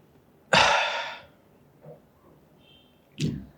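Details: Doctor demonstrating correct dry powder inhaler technique for asthma/COPD: he breathes out, tilts his head back, seals his lips on the mouthpiece, then takes a strong, rushing, roughly one-second deep inhalation, pauses to hold, and gives a short out-breath.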